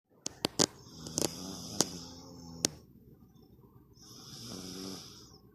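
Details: A baby and her father snoring together: rough rattling breath sounds and soft hissing inhalations, with occasional sharp clicks.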